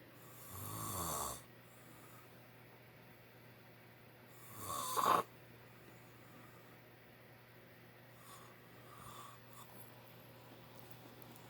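Two loud, rattling snores about four seconds apart, with quieter breathing after and a steady low hum in the room; ordinary heavy snoring.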